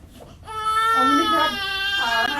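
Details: Loud, clear, sustained crying from a newborn baby boy shortly after an induced, unmedicated birth without epidural; a vigorous normal newborn cry.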